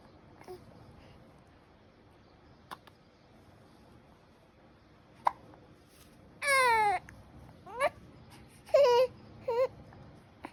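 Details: Newborn after breastfeeding: soft, spaced hiccup clicks in a quiet room, then a few brief high-pitched fussy cries and squeals; hiccups.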